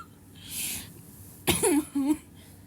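A quick breath in, then one sharp cough with a voiced tail and a short voiced sound after it: a single adult cough.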